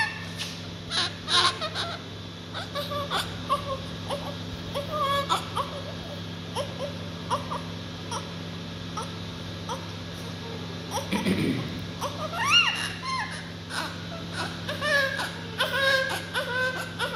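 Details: Newborn baby just born: short, repeated high-pitched cries and whimpers over steady room hum with background voices; vigorous newborn cry.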